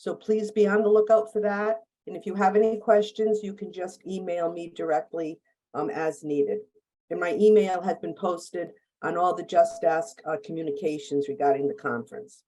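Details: Adult woman; typical speech.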